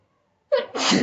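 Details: Silence, then a sharp intake and one explosive sneeze, recorded for a nose sneezing challenge.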